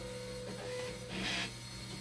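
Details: Dialysis machine acid and bicarbonate pump (24V/5V): a steady mechanical hum with a grinding, rasping burst midway, an abnormal pump noise fault.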